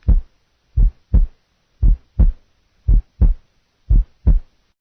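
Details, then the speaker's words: Single second heart sound, played in comparison with a wide split second sound, heart sound teaching recording; clean regular first and second sounds at about 60 beats a minute with an unsplit second sound. "listen now to a wide split second compared to a single second sound"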